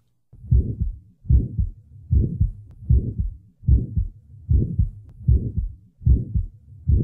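Regular heartbeat near 77 a minute with a short murmur starting at the first sound and ending mid-systole.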